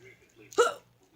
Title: hiccups